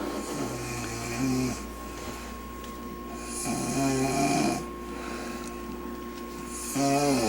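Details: Loud, rough, buzzing snores in a regular rhythm, about 20 a minute, with quieter breathing between, from an adult woman who fell asleep while reading a book.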